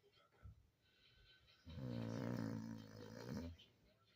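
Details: Single long, loud rumbling snore of nearly two seconds with faint quieter breathing before it, from a sleeping woman; typical sleep snoring.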